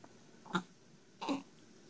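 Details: Hiccups: two short, abrupt voiced bursts about three-quarters of a second apart in a quiet room.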